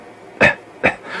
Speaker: like a like a fake contrived coughing noise it's because you've been sensitized to it your mind Associates it uh subconsciously with these negative thoughts